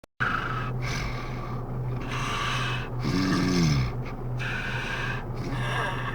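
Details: Steady low droning snore with a brief rising snort in the middle, over a constant background hum; snoring.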